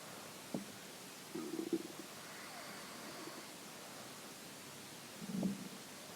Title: Early morning stomach growling